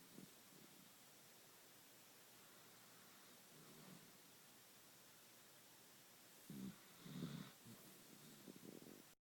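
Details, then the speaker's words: Dachshund sleeping soundly, the day after eating two cream-pie cupcakes: quiet room hiss, then several low rattling snore-like breaths toward the end; soft snoring. "luckily she seems to be sleeping soundly we didn't have to take her to the bed so there's there's nora snoring away"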